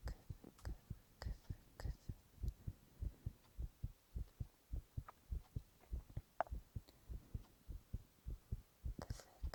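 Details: Normal heart sounds recorded from a young man for ASMR, regular heartbeat about 100 beats a minute with faint whispered onomatopoeia in the background.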